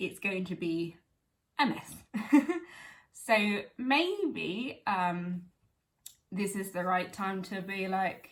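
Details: Woman with aphasia 11 years after a stroke at age 18, speaking spontaneously; aphasia.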